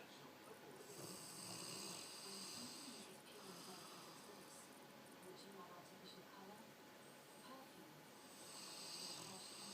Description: My friend's dog snores so loud.